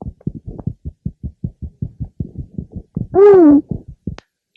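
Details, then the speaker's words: Three-month-old baby girl: normal infant heart sounds, clearer first and second sounds at about 130 a minute. "now we can hear the heart sounds more easily she was born three months ago her heart is normal with a rate of about 130"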